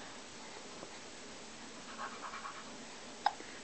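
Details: 10-week-old baby boy hiccuping during his first laughs: soft baby sounds, then a sudden short, sharp hiccup over steady room hiss.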